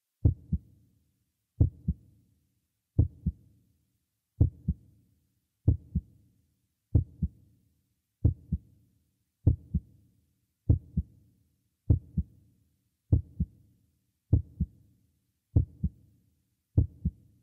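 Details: Sound-effect heartbeat: steady paired low thumps at about 48 beats a minute.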